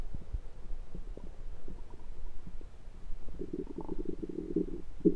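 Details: Low gurgling and bubbling rumbles with a longer gurgle near the end, recorded over the abdomen with a USB stethoscope; ordinary stomach rumbling bowel sounds.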